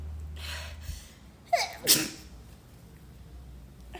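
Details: Induced sneeze: quiet room noise, then a sharp intake of breath and a single forceful sneeze burst.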